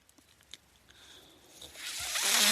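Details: Mechanical ventilator heard during a podcast recording: its user notes the noise is his ventilator. Faint clicks give way to a rising, airy rush of hiss as it delivers a breath.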